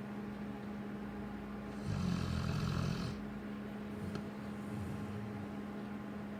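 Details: Snoring from Lola, a sleeping Cane Corso dog.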